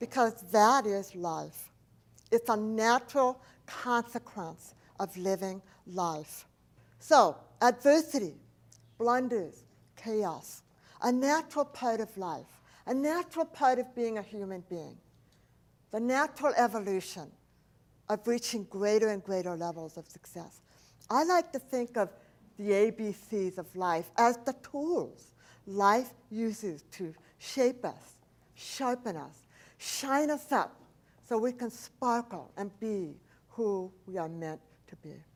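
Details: Adult woman, profoundly hearing-impaired since age four, when a 106-degree fever destroyed about two-thirds of her hearing; she describes a speech impediment, not an accent; deaf speech.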